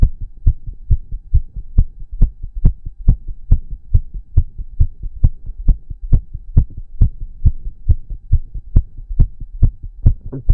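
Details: Rapid, regular, strong heartbeat at about 136 beats a minute with a low hum underneath in a male after exercise; sinus tachycardia after exercise, heavy breathing and stomach growls also present.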